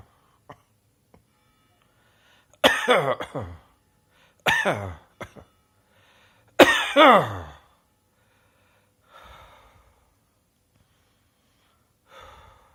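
Three loud bouts of harsh, voiced coughing, each with two or three coughs, then softer breaths.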